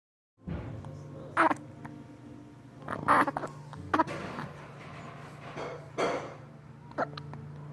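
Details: Six-week-old infant with several abrupt, irregular hiccups, some fussing, and a steady low room hum: hiccups.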